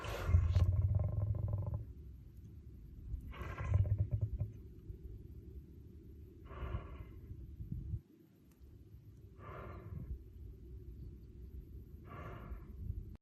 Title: Damn you MONDAY 😂Sneezy Smokey 🦁The one where Smokey needed to sneeze, twice❤️ by @ggconservation